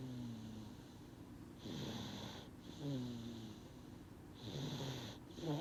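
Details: Snoring in a sleeping baby who was drowsy but resisted sleep: soft, rhythmic snoring with a low buzz on each in-breath, roughly 20 breaths a minute.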